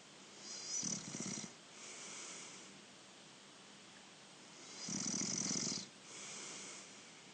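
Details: Younger brother asleep and snoring: two loud, rattling inhaled snores about 4 seconds apart, each followed by a softer breathy exhale; ordinary snoring.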